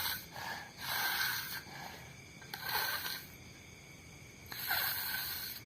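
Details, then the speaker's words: A cat named Miko snoring while asleep with its eyes open; soft, hissy snores in a slow, uneven rhythm, roughly three per stretch. "Jadi Miko itu kalau tidur pasti kayak gitu, matanya melek. Ngorok ngorok lagi."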